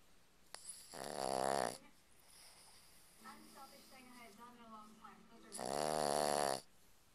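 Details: Sleeping Boston Terrier: loud, rasping snores about every five seconds with softer fluttering, wheezy sounds between them; snoring.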